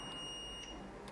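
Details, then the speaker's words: Zoll R Series Plus defibrillator charged to 75 joules for synchronised cardioversion of narrow complex tachycardia with adverse signs in a sedated patient; steady high-pitched continuous tone signalling it is charged and ready to shock. "so I'm going to select 75, charge up by pushing the charge button, make sure everybody's clear and back, and then all I need to do is push and hold the button"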